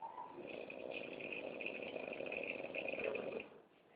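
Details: A child imitates her father's snoring, making a sustained rattling, buzzing throat noise for about three seconds; imitated snoring.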